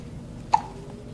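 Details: Three-week-and-one-day-old baby with hiccups, arms and legs constantly moving: a single short, abrupt hiccup against low room noise.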